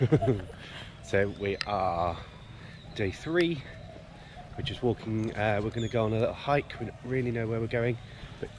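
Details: Adult man speaking outdoors; normal voice.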